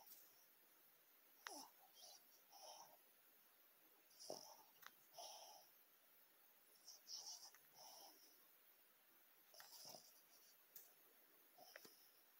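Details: Soft, irregular snoring breaths, about 21 a minute, with faint whistling on some breaths, in a quiet room, recorded during the Super Bowl; snoring.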